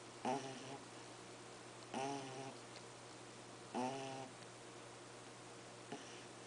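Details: Pug puppy lying on her back, sound asleep, snoring loudly: soft, buzzy snores with a slight whistling edge, about one every two seconds, in a quiet room with a steady hum.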